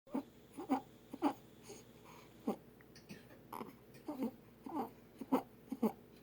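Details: Infant with stridor: repeated short, harsh, pitched noisy breaths with whimpering, consistent with a narrowed upper airway.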